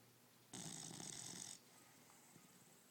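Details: A single harsh, rattling, hissy breath noise about a second long from a sleeping dog, consistent with a snore.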